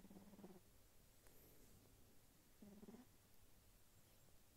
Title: Sphynx Kitten Snoring While Sleeping 💤 So Cute